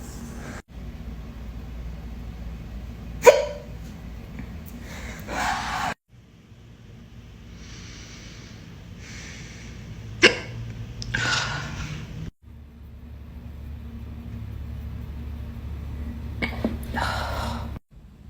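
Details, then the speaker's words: Loud hiccups in a quiet office at work, echoing off the walls and not stopping: three sharp, sudden gulping bursts several seconds apart. "I have really bad hiccups and I'm at work and the sound is bouncing off the walls of my office and it won't stop and it is so embarrassing help my hiccups are literally echoing through our"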